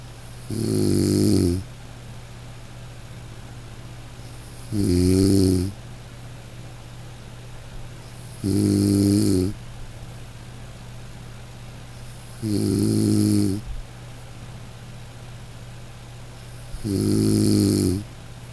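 Regular deep, rattling snores on each in-breath, about 15 a minute, separated by quiet exhalations; ordinary snoring.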